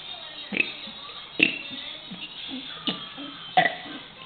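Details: A young boy deliberately burps the alphabet as short voiced belches shaped into letter sounds, about four in four seconds, and he misses the letter N; burping.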